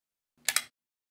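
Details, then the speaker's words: HeartSine Samaritan PAD 350P AED setup: the pad pack is inserted into the underside and slid to the back of the unit, giving a brief sharp double click as it locks into place; the device then powers up and self-tests. "insert the pad pack into the underside of the PA d slide it all the way to the back of the unit until you hear the pad pack click into place"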